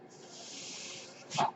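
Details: A steady airy hiss of delivered airflow ending in a brief louder puff and click, from the speaker's own ventilator: home mechanical ventilator breath cycle.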